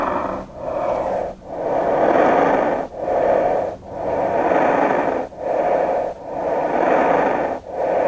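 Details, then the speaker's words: Severe COVID-19 pneumonia, patient tested positive: rapid, loud, harsh breathing with rough crackles and coarse breath sounds in each phase. "listen to an example of a patient positive with severe covid19 pneumonia"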